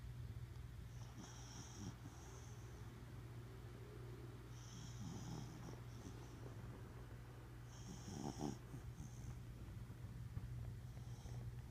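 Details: Corgi asleep, soft repeated whistling snores over a steady low hum; snoring.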